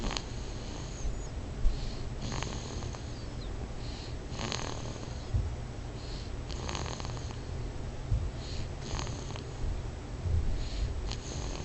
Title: Snoring LOUD